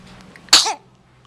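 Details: Morning of day 3: one sudden, forceful, hissing burst of air that fades quickly, a single sneeze.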